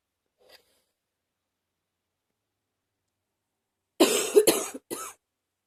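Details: Faint sniff then three short dry coughs from a person with a cold who is sniffling a lot.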